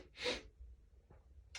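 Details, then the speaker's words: Someone with morning allergies and a tickly nose: a single soft, airy sneeze burst followed by quiet breathing and the start of another; allergy sneezing. "I keep feeling like Oh, like I'm going to sneeze. Sneezes. Oh my gosh, excuse me."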